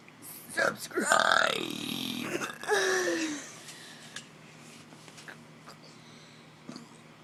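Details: Person deliberately belching while standing, trying for their biggest burp as a trick: one long, loud, voiced burp, then a shorter second one, followed by quiet room noise.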